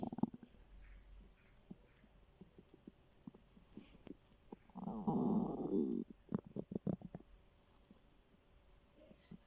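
Soft gurgles and clicks building to a loud, drawn-out rumbling growl, then bubbling pops: normal hunger bowel sounds.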